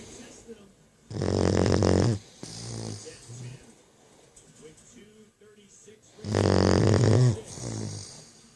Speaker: That's the snore of a 12-week-old puppy.